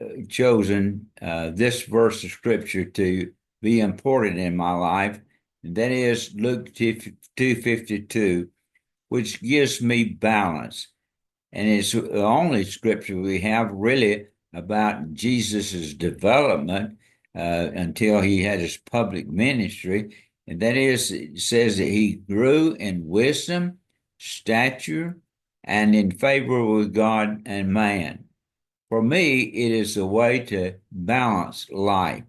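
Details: Dysarthria in an adult man, a retired pastor, with ALS diagnosed February 2024, after earlier diagnoses of Parkinsonism, Parkinson's disease, spastic paraplegia and primary lateral sclerosis; his speech and walking are failing.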